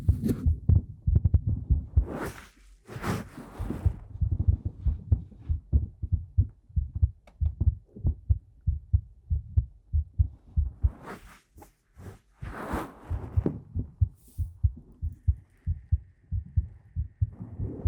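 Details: Soft low thumping heartbeat, roughly 90 beats a minute, with occasional rustling or breathy noise over it, recorded on a 3Dio Pro binaural microphone in a Korean ASMR talking video: heartbeat.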